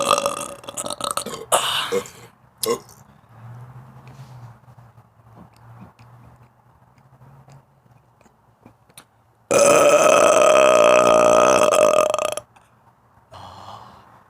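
A run of loud belches, the longest a sustained croaking burp of about three seconds, with quieter gaps between them.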